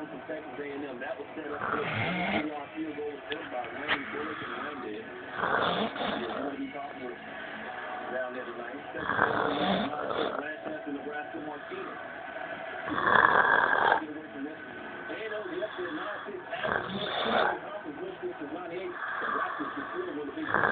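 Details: Adult roommate snoring in his sleep, heard from another room: loud, rough, rattling snores repeating every few seconds, with some background music.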